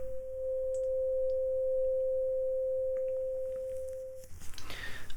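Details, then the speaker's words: Simulated ASMR cranial nerve exam, Rinne test, left ear: struck tuning fork held at two positions, one in front of the ear, patient asked which is louder; steady pure mid-pitched hum. "now I want you to tell me quite simply which is louder position one or position two"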